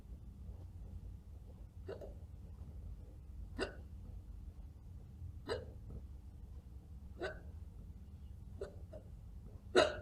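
Six short, sharp hiccup sounds spaced about every two seconds against a low hum of room noise; they may be faked.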